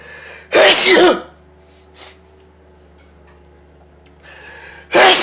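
Two loud, explosive sneezes separated by a few seconds of quiet room noise; ordinary sneezing.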